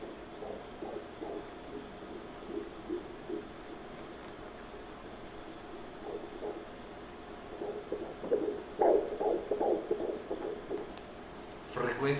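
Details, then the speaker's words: Fetal heartbeat on Doppler ultrasound at the ductus venosus, 13 weeks 3 days of pregnancy. Fast, rhythmic whooshing pulses at 151 beats per minute. "That's the sound of the baby's heart."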